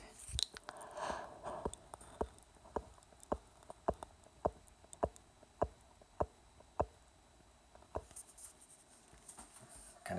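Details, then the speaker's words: Sharp, regular metallic clicks at about 105 a minute from a mechanical heart valve, ten weeks after third open-heart surgery, heard best from the mouth. "okay it's been ten weeks since surgery and I wanted to let you hear my heartbeat and see the new scar it seems to be gone pretty good and here's the sound of my heartbeat you can hear best from in my mouth just where"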